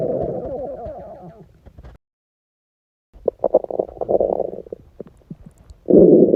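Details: Stomach rumbling after a 48-hour fast: long low gurgling rumbles, a pause, then bubbling pops and another loud rumble; borborygmi.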